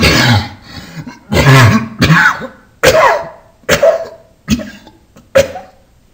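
Seven separate harsh coughs in about six seconds, each a sharp burst trailing off, with some throat-clearing quality.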